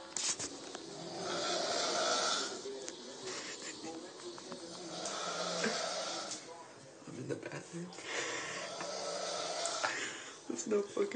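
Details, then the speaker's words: Drunk adult man sound asleep on a couch, snoring very loudly, heard from a distance: loud, harsh, rasping snores roughly every four seconds. "my sister's friend uh came home from the bars with her and he's on the couch sleeping and he was drunk now he's sound asleep and he's snoring so you got to listen to this it's so funny"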